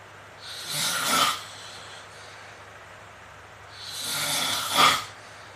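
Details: Sleeping 24-year-old man with wall-shaking snoring; two loud, harsh snores, each building to a rasping peak, with a quiet pause between. Heavy snoring in sleep.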